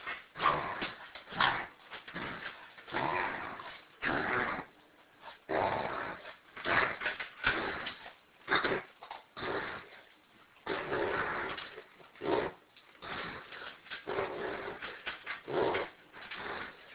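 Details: A dog reverse sneezing: rapid, repeated snorting inhalations in bursts, typical of a reverse sneeze episode.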